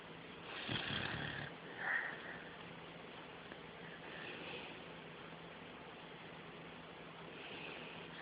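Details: Sleeping beagle, possibly dreaming: soft snorting, sniffing breath noises with quieter breaths between, in light room noise; snoring.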